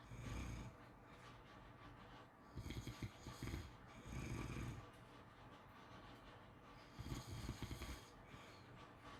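Faint, low rumbling snores under steady background hiss, about two to three breaths in nine seconds; ordinary snoring.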